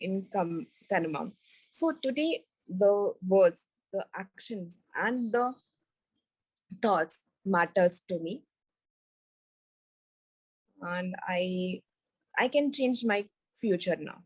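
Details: Recovering global aphasia in a woman after a stroke on an Everest base camp trek about four years earlier, initially unable to speak, read, write or spell; language relearned through speech therapy.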